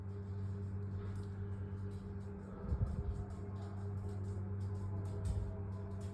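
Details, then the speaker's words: Hiccups deliberately induced by the person out of boredom, heard as two brief, abrupt low gulps a few seconds apart over a mechanical hum, during about 20–25 minutes of hiccups. "They stopped. That wasn't bad. Maybe 25 minutes of hiccups."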